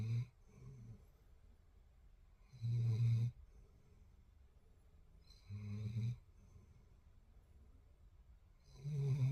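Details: German Shepherd puppy snoring in sleep: low rumbling snores about every three seconds, roughly 20 breaths a minute, with quiet gaps between.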